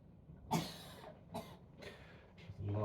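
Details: Several harsh, wet coughing bursts in quick succession, then a low groaning sound; choking coughs with aspiration risk in a woman with 22q, during recovery from a tonic-clonic seizure.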